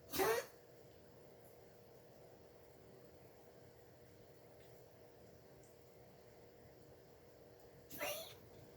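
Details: Coughing recorded June 1, 2021, 8:08 am.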